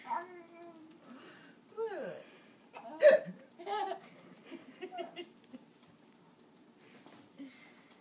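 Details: Infant laughing at his own hiccups: short, abrupt hiccup catches mixed with giggles and babbling, with deep chest movement on a hiccup; hiccups.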